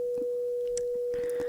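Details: Simulated tinnitus pure tone, matched by an adult man to the tone in his left ear using a phone frequency generator; he is taking prednisone.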